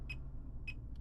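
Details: Fingertip pulse oximeter in a demo beside a Realme Watch 5, reading about 96–106 after recent activity: two short electronic beeps about half a second apart over a low hum; pulse beeps.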